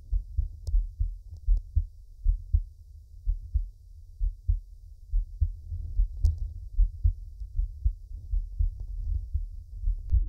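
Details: Soft, deep, steady paired thumps at roughly 70 beats a minute from a man's own heart, heard close up in a relaxing ASMR heartbeat recording; normal heartbeat.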